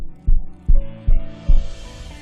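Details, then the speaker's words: Synthetic heartbeat sound effect in an animation of SA-node impulse conduction: four regular low thumps about 0.4 s apart, roughly 145 a minute, over a musical hum. "We can now observe the impulse conduction and heartbeat in synchronization with the blood flow."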